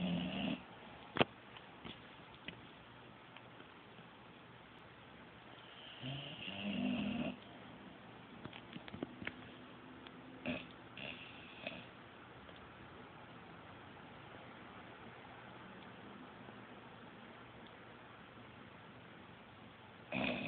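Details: A few soft, raspy snoring breaths with quiet stretches between them from a sleeping animal; ordinary snoring.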